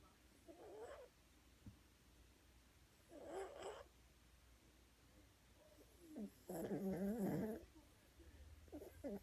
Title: Buddy is a Snoring Cheese